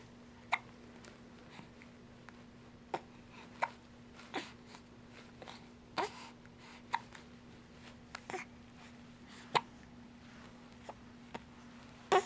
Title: Hiccups July 9